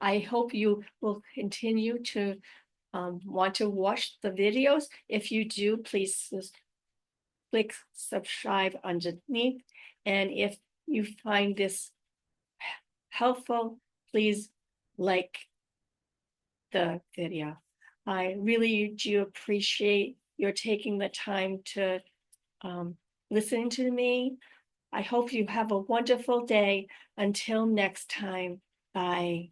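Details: Adult woman with aphasia, apraxia of speech and dysarthria after a stroke in May 2019, with ongoing difficulty speaking, reading and writing; repeated words in this stretch. Finding: post-stroke aphasia, apraxia of speech and dysarthria.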